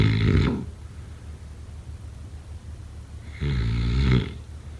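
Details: Snoring during sleep: two loud, low, rattling, vibrating breaths about three seconds apart, separated by quiet.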